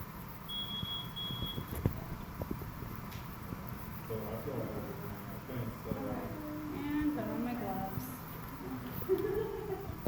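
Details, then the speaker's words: Non-invasive ventilator set up for CPAP during a respiratory therapy student's competency: a steady electronic beep, then shifting machine tones and whirring over room noise as the device runs its startup self-test. "Alright, I'm going to get everything set up before we take you off for oxygen. It's going to do a lot of making and I've got to do tests and stuff like that. So it's going to make some noise, okay?"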